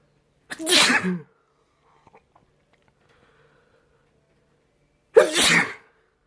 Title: More sneezing